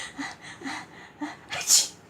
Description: This cute baby was always laughing whenever his aunty pretended sneezing before him.